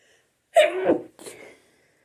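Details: Two sneezes in quick succession from an adult after a shower, a brief sneezing fit in a quiet room.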